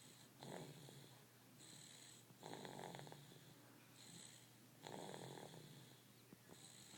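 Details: Snoring during sleep.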